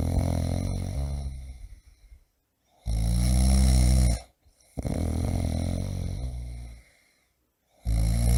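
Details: Adult man snoring loudly, sound-effect recording: loud, low, rattling snores on each in-breath, about three cycles over eight seconds, with quiet pauses between; heavy snoring.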